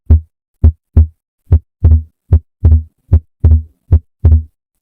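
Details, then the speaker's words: Regular heart sounds about 75 a minute; S2 splits on inspiration and becomes single on expiration: normal physiological (transient) split S2. "The correct answer transient split S2. This is the normal respiratory variation of S2 splitting."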